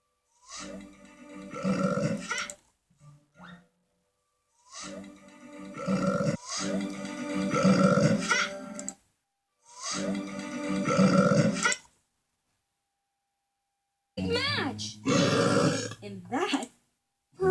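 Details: Burping: a series of long, voiced belches, some small and some big, with quiet gaps between them and faint music in places.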